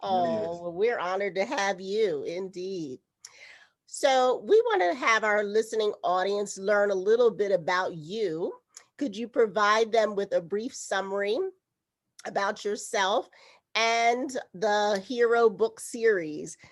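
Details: Adult woman speaking; normal speech.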